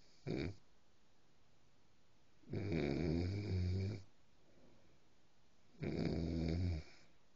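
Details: A sleeping dog gives low, rumbling snores roughly every three seconds, with quiet pauses between them: ordinary snoring.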